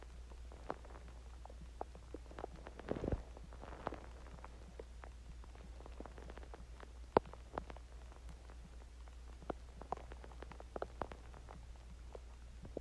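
Scattered soft gurgles and pops over a low steady hum, typical of ordinary stomach growling after eating and drinking.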